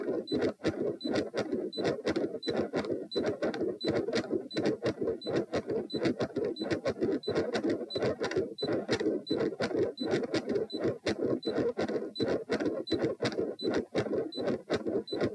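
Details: Heart sounds during Valsalva, lying, in a patient with known right-to-left shunt via PFO/ASD; about 85 a minute with a continuous rushing noise between beats, ECG monitor beeping behind; questioned PDA-like continuous machinery murmur.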